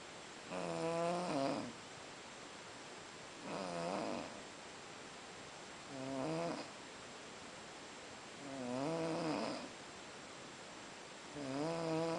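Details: A man snoring after a long day at Boiçucanga: loud, rattling snores on each inhalation, about every 2.5 seconds (roughly 22 a minute), separated by quiet exhalations.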